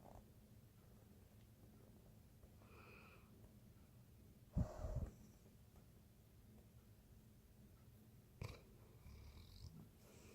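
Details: Snoring: low, soft rumbling breathing with two louder snorting snores in a quiet room.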